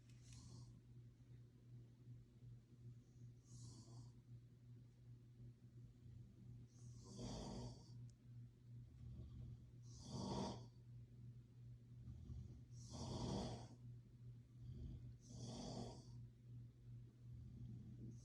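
Rough snoring bursts on each breath in, about 6 over 18 seconds (roughly 20 a minute), over a steady low room hum.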